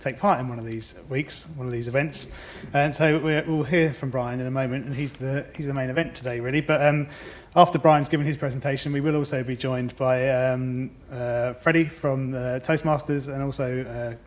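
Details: Adult male speaker; normal speech.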